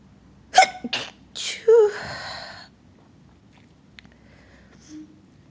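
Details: Series of small stifled sneezes, short sharp nasal bursts with quick catches of breath, made with a finger held under the nose, in a quiet room.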